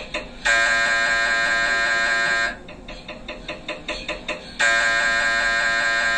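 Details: Brain MRI recorded inside the scan room: loud buzzing scanner tones alternating with a stretch of rapid knocking pulses, normal MRI scanner noise during a brain scan.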